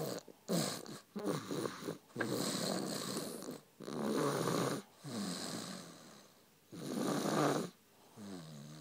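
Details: Person snoring loudly during sleep: slow, regular snores, each a loud rasping rumble followed by a short pause, in a small quiet room.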